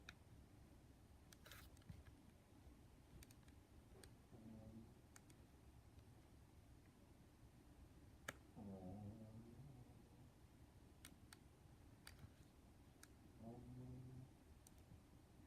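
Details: Soft, low snoring sounds from a sleeping pet dog recur about every four to five seconds over quiet room noise: snoring.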